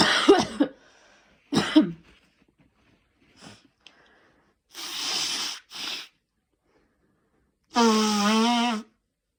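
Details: Person still sick with a cold and cough, recent fever, using an inhaler: several harsh coughs in separate bursts, some rough and airy, one ending in a strained voiced sound.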